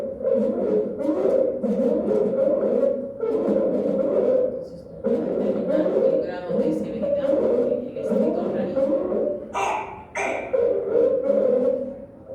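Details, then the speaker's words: A child with croup, most common from six months to a few years of age, breathing with the typical harsh laryngeal sound on each breath in; inspiratory stridor. "vamos a saber identificar el famoso estridor lareno de los niños que ustedes una vez que lo escuchen Ya nunca se van a olvidar"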